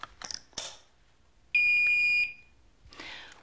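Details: Philips HeartStart Home defibrillator (AED): faint clicks as the battery latches into place, then a steady high electronic beep under a second, the alert tone as its automatic self test begins.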